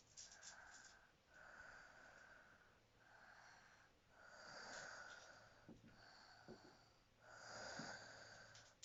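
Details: Snoring during sleep: slow breathing at about 20 breaths a minute, with a whistling, rasping snore on each breath.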